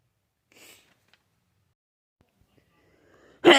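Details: Person with a cold: soft breathy intakes in near silence, then one abrupt loud sneeze at the end.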